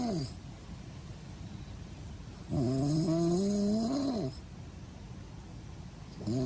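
Loud, whistling, rising inhaled snores recur about every six seconds, with quieter rumbling breaths between them. This is snoring.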